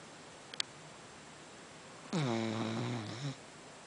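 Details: Cat named Amy snoring at night: two faint clicks, then one drawn-out, buzzing, tonal snore about a second long, falling in pitch, in a quiet room.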